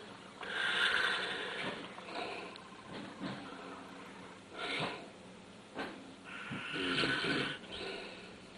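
Rough, fluttering breath sounds recur through sleep, each loud surge rising and fading: ordinary snoring.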